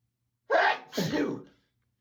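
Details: Two sneeze sounds in quick succession, a sharp inhaled 'huh' then an explosive 'achoo', part of a long, repeated bout in which the person cannot stop sneezing.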